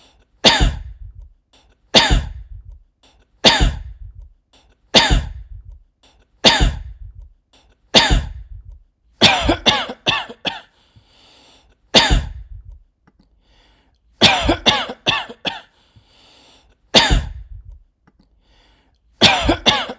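Repeated sharp, explosive coughs, some single and some in quick runs of three or four.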